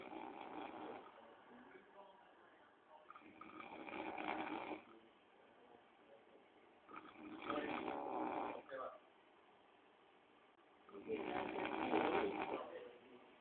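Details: Loud rattling snores on the in-breath during sleep, about three or four with quiet gaps between them; ordinary snoring.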